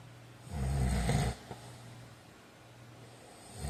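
A single deep, rumbling snore on an in-breath, then quiet breathing: ordinary snoring during sleep.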